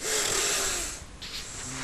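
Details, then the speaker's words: Loud, rasping snore-like breath then quieter breathing from an adult man, a longtime loud snorer with recent weight gain, taking effortful breaths on partial arousal after an obstructive apnea, before breathing stops again. "with some effort robert takes a few breaths but soon stops breathing once again"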